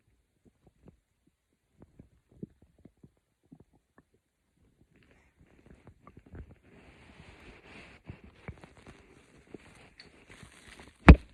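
Faint scattered gurgles and low rumbles, building into a brief louder gurgle at the end; ordinary bowel sounds of stomach growling.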